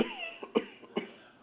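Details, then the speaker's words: Whooping cough (pertussis): three rapid, harsh cough bursts in quick succession, the intense, violent coughing of this bacterial illness. "the cough from this illness is quite intense and it's difficult to you know to protect those around you when you're coughing so violently"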